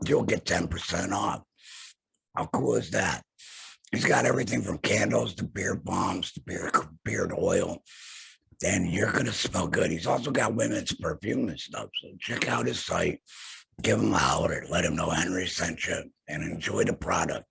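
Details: Adult male laryngectomee after throat cancer, vocal cords removed; alaryngeal speech after total laryngectomy.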